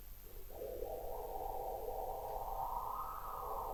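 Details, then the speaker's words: Lower-limb venous Doppler of a patient with greatly dilated medial-thigh superficial veins: gross, severe great saphenous vein reflux near the junction, heard as a continuous, prolonged whooshing venous signal that needs no timing. "a severe reflux you don't need to measure time for this"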